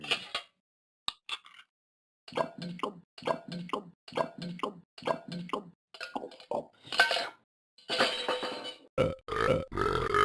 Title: TALKING BEN EATING AND BURPING AND DRINKING